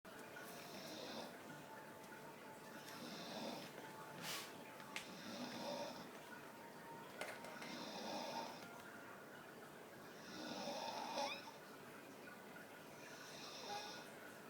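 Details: Staffy dog sitting behind the owner, snoring with eyes wide open: soft, rhythmic snoring about 24 breaths a minute, each breath carrying a rattly flutter, with faint television sound in the room.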